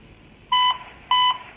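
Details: Simulated CPR on a uDEF T5 AED trainer: two clear, evenly timed electronic metronome beeps pacing chest compressions after the shock-delivered prompt to continue CPR.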